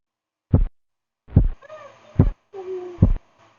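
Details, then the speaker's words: Korotkoff phase 3 during blood pressure auscultation: four crisp, loud taps at about 72 a minute with faint blowing between some, as the phase 2 murmur disappears and gives way to sharper, more intense sounds. "En la fase tres, el murmullo desaparece dando paso a un sonido más nítido y de mayor intensidad."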